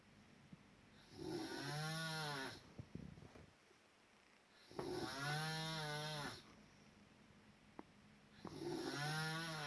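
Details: Loud snoring: rattling snores with a strong low buzz on each in-breath, about 16 breaths a minute, with quiet out-breaths between.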